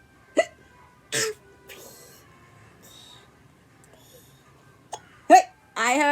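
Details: Baby hiccups.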